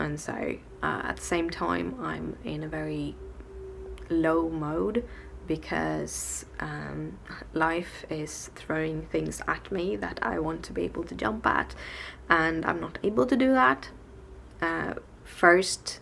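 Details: Adult woman with tics, on a bad day with her speech impediment present since waking, worse in Swedish than English; blocks where words won't come out or come one at a time; stuttering.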